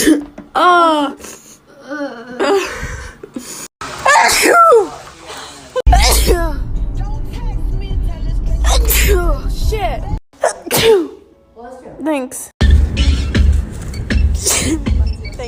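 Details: Natural allergy sneezes: several forceful sneezes in a row, with loud music and some talk behind; repeated allergic sneezing.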